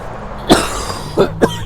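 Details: Person who says they are sick and nearly passes out with each cough: cough that sounds unhealthy.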